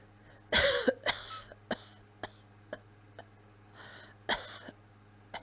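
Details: A cat gives a series of weak, quiet, short dry cough bursts with no wet rattle.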